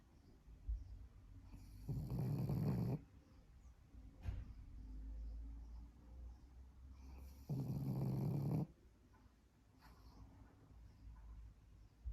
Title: Pug snores 💤 #pug